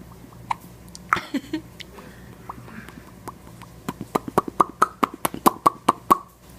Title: Cute half Persian half Chinese Cute baby Hiccups